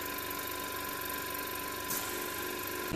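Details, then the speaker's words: Respironics Millennium pressure-swing-adsorption oxygen concentrator, opened for teardown, switched on: continuous loud mechanical hum and rattle of its compressor running, with a brief hiss partway through. "now we'll turn it on I can see the compressor is running although slightly here that value of us here changing"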